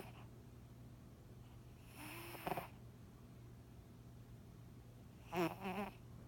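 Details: A dozing cat makes two short rattling, snorting breath noises about three seconds apart over a steady low hum; snoring.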